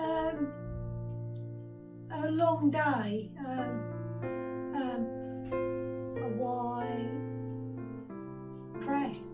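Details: Woman with aphasia for 17 years after a 2005 stroke at age 46 affecting language centres, initially only three words, since regaining language; apparently reading aloud with word repetitions; aphasia.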